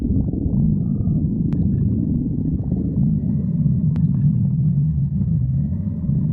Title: Marine the raccoon stomach growling